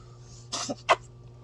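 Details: Sick cat, not eating well and being syringe-fed, under 7 days into an illness the owner thinks is in her lungs: two quick, sharp nasal bursts, a sneeze with a smaller follow-up, in a quiet room; sneezing.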